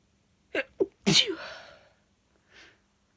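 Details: Sneezing: two quick, catching inhalations, then one loud, explosive sneeze followed by a fading breath.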